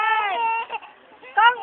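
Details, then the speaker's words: Brief high-pitched wailing cry from a young child, with a pause and then a renewed sob; crying. "Bakit ahak iyak naman"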